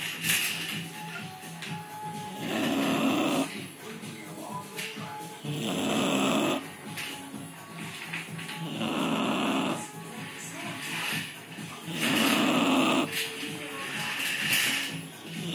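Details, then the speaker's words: Sleeping bulldog snoring very loudly: harsh snores about every three seconds, roughly 18 a minute, over background music. "The doggy's snoring. Beexie snoring. She's so loud. She's so loud."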